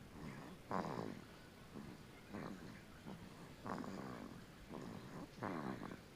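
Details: Snoring from a sleeping 2-month-old infant: soft, rattly, snuffly breaths repeating about once a second, noisy snoring breaths.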